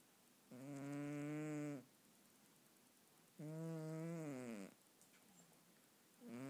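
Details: Male cat snoring while sleeping: slow, regular buzzing snores on each breath, about one every three seconds.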